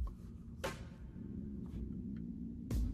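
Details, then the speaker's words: Adult's stomach growling after not eating for many hours: low, wavering gurgling rumble with a few soft clicks and thumps in a quiet room, borborygmi. "stomach growling. Did y'all hear that? My stomach growling is because I haven't eaten in many hours."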